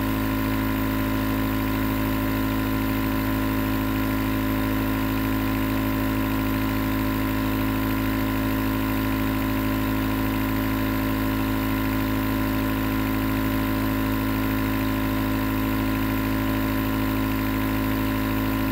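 Continuous loud mechanical hum and buzzing drone of a compressor nebulizer, unchanging throughout; normal device operation.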